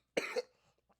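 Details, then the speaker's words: Adult coughing right after inhaling from a vape cartridge: one harsh cough burst with a second push, then fading breath; an irritant cough. "I didn't even think I was gonna start coughing so fast."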